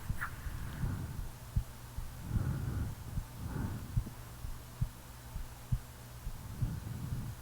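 Steady low thumps at about 75 beats a minute, with soft snoring-like breaths in the background; a regular heartbeat during sleep.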